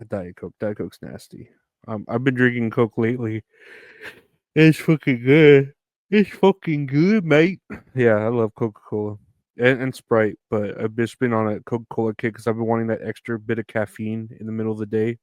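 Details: Adult male speaker; ordinary speech.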